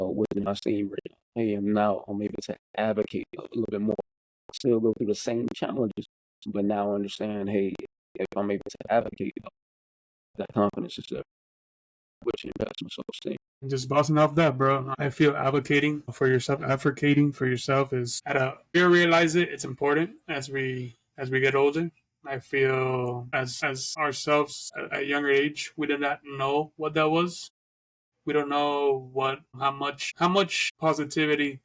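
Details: Adult who stutters, speaking conversationally as co-host of a podcast about living with stuttering; stuttering.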